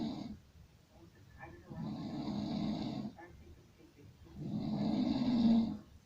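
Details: Loud, rough snores lasting about a second each, with quiet breathing between; typical adult snoring.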